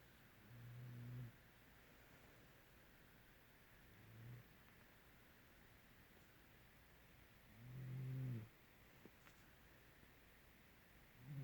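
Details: Soft, low, rumbling snores at irregular intervals, about three in eleven seconds, over a quiet background hiss: snoring during sleep, recorded to show snoring and breathing rate.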